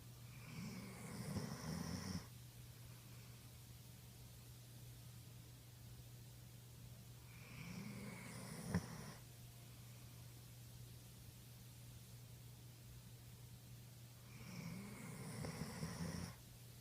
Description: Here's my 14.5 yr old Vizsla snoring away.